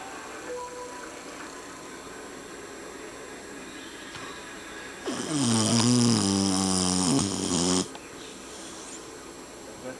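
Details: Family dog snoring very loudly while asleep: one long, loud, buzzing snore of about three seconds, with people playing Wii golf in the background.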